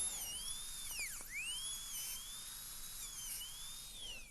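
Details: Dental drill grinding a temporary crown on an immediate implant to adjust the bite so the patient has no occlusal contact (unloaded temporary): a thin, high whine dipping briefly in pitch as it bites, then carrying on.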